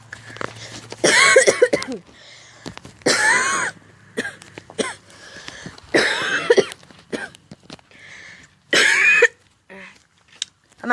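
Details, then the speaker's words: Adult gives about four loud, deliberately produced coughs with smaller throat sounds between them, and says they are perfectly fine. No distress. Cough. "no worries guys I'm still coughing I gotta come and ask me if I'm okay yeah I'm actually really I'm perfectly fine but yeah coughing it you go and start coughing"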